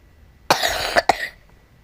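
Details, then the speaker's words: Two harsh, loose cough bursts in quick succession amid quiet room noise; person coughing repeatedly while playing Roblox; cough. "ah batu batu guys aku lagi batu gak bisa dicut videonya ya udahlah"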